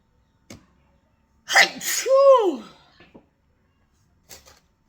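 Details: Single sneeze from a weather-triggered sneezing fit: sharp inhaled build-up, then a forceful burst with a falling voiced 'choo'.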